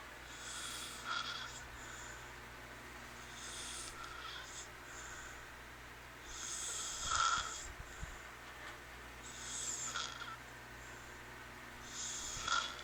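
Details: Woman asleep and snoring before being startled awake: several soft, hissing, irregular snoring breaths over room noise, ending with a sharper snort; light snoring.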